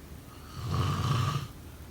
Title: Snoring sound…